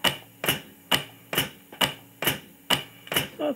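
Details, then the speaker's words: Vintage Brunswick HLR piston thumper giving mechanical chest compressions on an early Laerdal Anatomic Anne manikin at about 65–70 per minute, regular thumps with gas hiss. "still works well certainly does not do compression as fast as we require them nowadays it runs at about 65 to 70 a minute"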